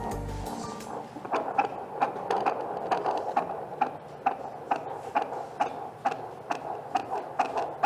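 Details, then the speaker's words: Rapid regular whooshing pulses, about 130 beats a minute, as a midwife checks the fetal heart rate by Doppler after Leopold manoeuvres during an antenatal care exam at a primary health facility: fetal heartbeat on Doppler. "bidan memeriksa Detak jantung janin djj dengan Doppler atau Lane"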